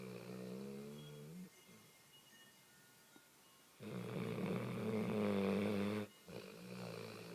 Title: snoring!